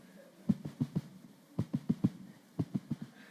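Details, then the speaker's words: Heart sounds in quick pairs of beats separated by gaps; an irregular rhythm he calls a sign of disease. "이렇게 뛰면 어떻게 될까요? 이게 병이 있다는 거예요."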